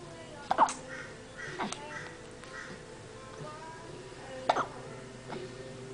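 Two sharp, brief gulping hiccup sounds about four seconds apart, with faint noises between them. Hiccups.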